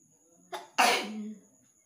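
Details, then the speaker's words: Brief indrawn catch, then one forceful, voiced sneeze that trails off, induced by tickling the nose; the person says they rarely catch colds and is trying to bring out mucus. "তো এরকম সুড়সুড়ি দিয়ে হাঁচি করে করে কফ বের করা খুবই টাফ একটা ব্যাপার।"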